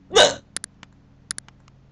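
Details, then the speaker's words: One loud abrupt voiced gulp followed by several small sharp clicks, hiccups returning just after the speaker thought they had stopped. "oh did I lose my hiccups oh my God what a chicken why can't I get normal hibs"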